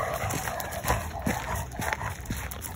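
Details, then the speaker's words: An older yellow Labrador Retriever with laryngeal paralysis: excessive panting, exercise intolerance and loud inspiratory stridor, because the larynx fails to dilate as he breathes in. "He has these really loud breathing sounds, and if you listen again in the video, you can hear him making that."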